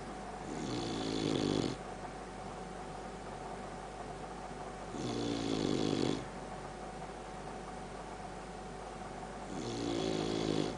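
Rhythmic rattling snores on each breath in, about 12 breaths a minute, over steady room hum; snoring in a sleeping dog.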